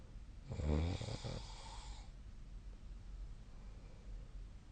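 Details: One low, rumbling snore lasting about a second and a half during sleep, then quiet breathing and room hiss.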